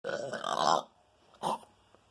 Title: Me and my burping PART 3!!!!!